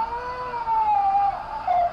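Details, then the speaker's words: Five-and-a-half-month-old baby girl on the first day of sleep training, alone in her own crib without co-sleeping, starting to cry about 11:55: thin, drawn-out whining cry rising and falling in pitch. "crying so the time is gonna start pretty much now it's 11 55"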